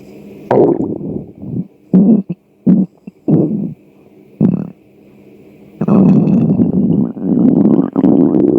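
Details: Hunger stomach growling: repeated low gurgling rumbles in bursts, then a longer rolling growl.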